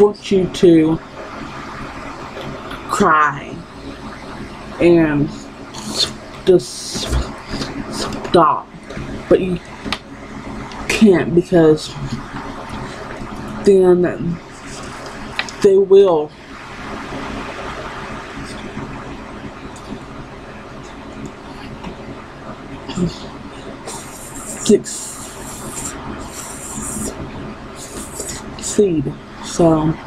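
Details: Young woman who has stuttered her entire life and still stutters despite speech therapy; finding: stuttering.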